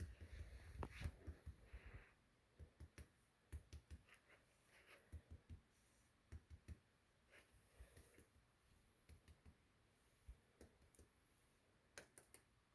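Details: Resonant percussion note during a physical examination of a female patient.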